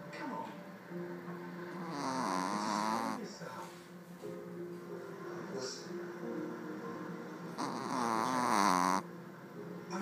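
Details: Sleeping animal, deeply out, snoring: two long, rough, rattling snoring breaths several seconds apart with faint background sound; ordinary snoring.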